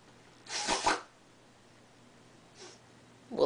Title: The Sneeze